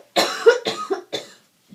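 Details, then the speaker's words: Simulated (educational role-play) respiratory assessment: adult patient with fever, night sweats, headache, difficulty breathing and swollen lymph nodes, history of yearly bronchitis, describes coughing up gross sputum; productive cough. "I'm having a really hard time breathing I keep coughing this really gross stuff up and um I've I've had a fever"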